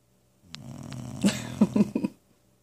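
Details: A dog described as an old man who owns the house: a single rough, rattling breath under two seconds, with low buzzing pulses toward the end; snoring.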